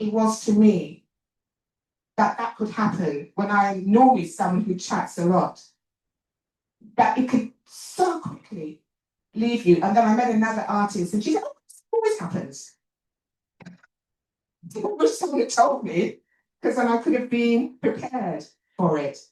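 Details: Talk by an adult woman, an actor and writer, who says she has a stammer; stuttering.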